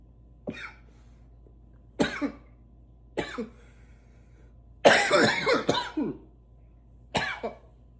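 Five separate harsh, forceful coughs, the fourth a longer run of several bursts, with quiet pauses between.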